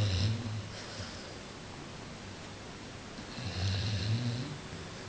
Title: Pit bull dreaming & snoring